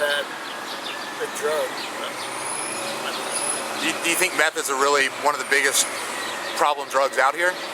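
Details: Adult man, outdoors; typical speech.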